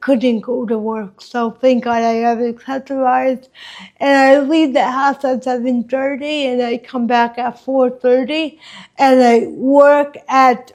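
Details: Dysarthria in an adult woman with congenital hemiplegic cerebral palsy caused by lost oxygen at birth, which she says affects her walking, face, mouth, drooling and speech.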